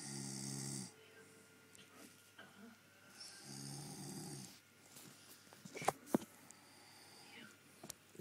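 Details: Sleeping dog snoring: two droning, buzzy snoring breaths a few seconds apart, with small snuffles and rustling between.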